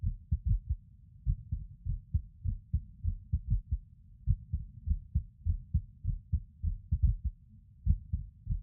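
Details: A male records his own heartbeat while lying on his bed: low, soft thumps with uneven spacing, occasional longer pauses and early beats, fitting skipped heartbeats with an irregular rhythm.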